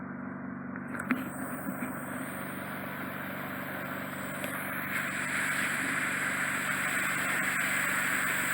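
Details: Hissing suction noise that grows louder and steadier, with faint clicks, from endoscopic ear microsuction removing deep occluding wax in a client with bilateral impacted earwax.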